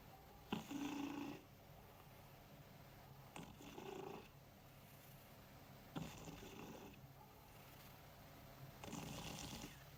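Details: Cat snoring while asleep: four soft, rough breath sounds about every three seconds against low room noise.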